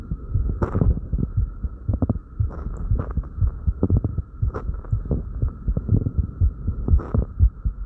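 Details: Fast, regular low heart thumps around 120 a minute with breathing, rustling and a steady background hum, recorded on oneself after light crunches: rapid heartbeat after exercise.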